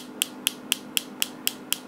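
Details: Focused shockwave therapy device scanning a woman's shoulder from the back side for tender spots, as done for frozen shoulder, though she does not have it: sharp, evenly spaced clicks about four a second.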